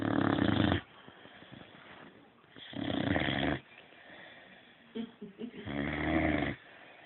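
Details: Sleeping boxer dog snoring: three loud, rasping snores on its in-breaths, roughly every three seconds, with quieter breathing between them.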